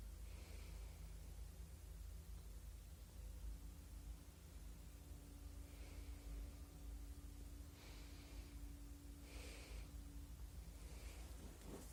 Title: Return of my hiccups